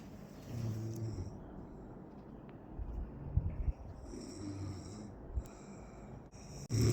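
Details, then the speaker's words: Two friends asleep after a big meal in an air-conditioned hotel room give two low, rumbling snores on inhalation over steady room hum with soft clicks and rustles; ordinary snoring. "আর দেখো আমার বন্ধুরা সবাই ঘুমিয়ে পড়েছে নাক ডাকছে literary এবার শোনো তোমার আমাদের একটু কাছে নিয়ে গিয়ে দেখাই।"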